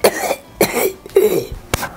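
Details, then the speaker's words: Veterinarian's imitation of a dog's tracheal collapse cough: four short, harsh, throat-clearing bursts, a regular cough that sounds like an irritated throat; tracheal collapse cough (imitation). "what it shows up is this kind of this regular coughing. And it sounds kind of like, you know, an irritated throat,"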